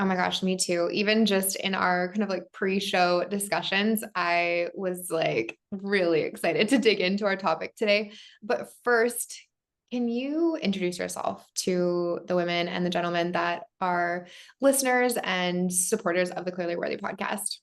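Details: Adult woman speaking; normal voice.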